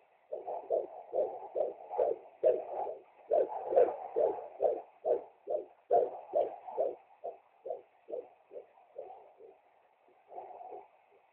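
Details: Fetal heartbeat at 15 weeks and 1 day of pregnancy by Doppler: rapid, regular whooshing pulses at about 140 per minute; normal fetal heartbeat.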